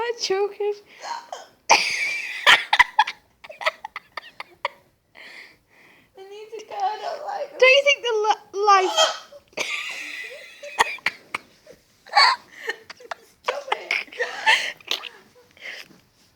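Sharp, brief hiccup sounds mixed with laughter and talk. Ordinary hiccups.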